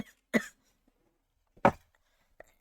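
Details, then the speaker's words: Dry cough from a streamer ill for about five days, taking medicine after a return visit to an ENT clinic, coughing during a live stream; two short sharp cough bursts a second apart, then a faint throat sound. "나의 기침 소리가 여러분들한테 너무 시끄럽지 않기만을 바라는 거지 뭐."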